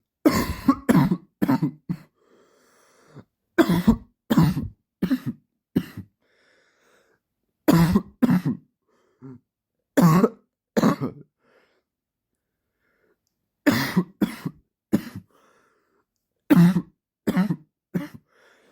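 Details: Adult man with a persistent dry cough in repeated bouts of three to four short, harsh coughs; a sound-effect recording.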